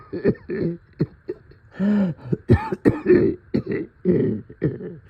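Series of short, rough, phlegmy coughs and throat clearing: a wet, congested chest cough.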